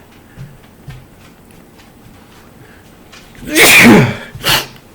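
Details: An adult with seasonal pollen allergy who has run out of prescription antihistamines takes a short catch of breath, then gives a loud explosive sneeze and a second, smaller sneeze.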